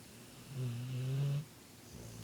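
One low, rumbling, vibrating breath sound lasting about a second in a quiet room: a snore.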